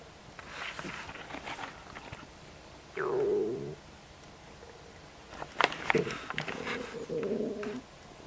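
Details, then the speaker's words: Stomach rumbling (borborygmi) just after eating a snack of ribs: irregular gurgling belly noises, described as never-ending. "It's just never ending."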